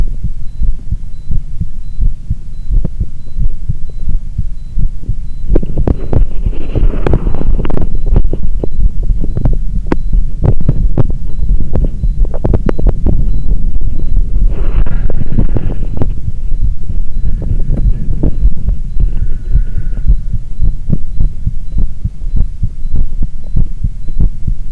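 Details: Steady, regular low heart thumps recorded with ECG, with a few brief bursts of rustling movement noise partway through; normal heart sounds.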